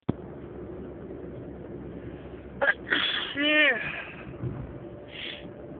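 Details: Person sneezing, unstifled: a sharp intake of breath followed by a single explosive sneeze with a brief voiced trailing sound, quiet outdoor noise behind.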